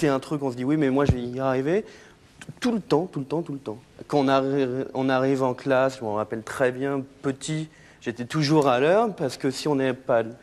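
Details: Adult man who has stuttered since childhood, for about 30 years, still stutters and calls it a handicap; stuttering.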